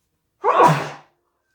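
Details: Single induced sneeze into a tissue: a sharp indrawn breath, then a forceful, muffled burst that fades off.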